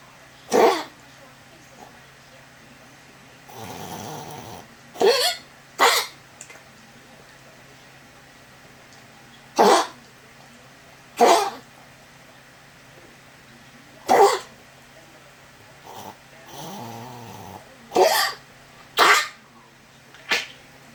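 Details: Dog coughing: about ten short, harsh coughs in spaced bursts, with a couple of rumbling snorty breaths between.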